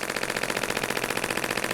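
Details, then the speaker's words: Rapid, regular sharp tapping pulses from a radial shockwave device hitting different spots on a woman with plantar fasciitis for over 3 years, intensity turned down after she found it too much. "so just trying to hit some different spots and again it was counting down those those hits the what do they call it the pulses"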